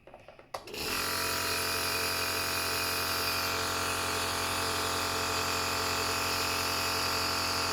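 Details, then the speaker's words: A click then a loud steady buzzing hum with rapid even pulsing: Omron C102 Total compressor nebulizer switched on with mask attached, normal device sound. "so if you've done this this step then just put on the top The Mask so it is done just switch on the compressor unit via the main button"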